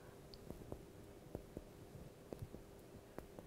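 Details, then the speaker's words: Normal chest percussion on a healthy subject, fingers placed between the ribs and struck bilaterally: paired soft hollow taps on the back giving a resonant, near-tympanic note. "en effet une percussion thoracique sur un sujet sain va se rapprocher un bruit de timpani"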